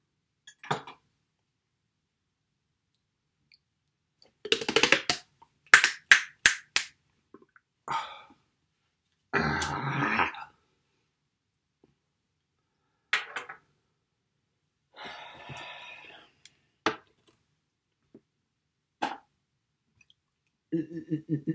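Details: Self-recorded real Tourette's episode in a male with phonic, obsessive and motor tics and coprolalia; phonic tics (Tourette syndrome).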